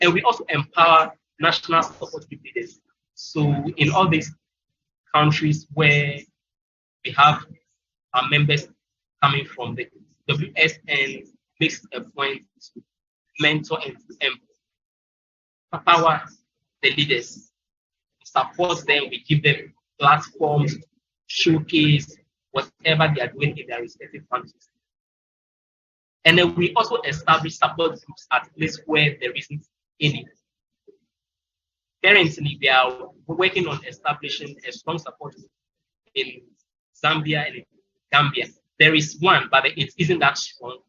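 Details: Speech from a presenter from Ghana at a stuttering support event, though it is not explicitly stated that this speaker stutters.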